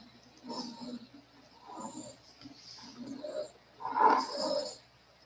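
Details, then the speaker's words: Two-year-old child with massive bronchial obstruction not relieved by inhaled salbutamol, ipratropium or rectal prednisone: noisy, labored breathing with musical whistling wheeze audible without a stethoscope. "bronchial abstraction and pronounced vising his mother has inhaled the child several times his sadhu tamil ipratropium gave him rectally prednisone but without success you can hear the vision without auscultation"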